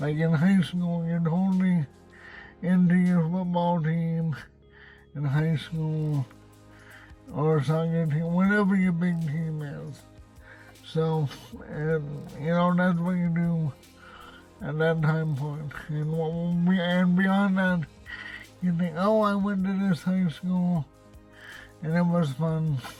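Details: Adult man with cerebral palsy and a self-described speech impediment, speaking in his car; dysarthria.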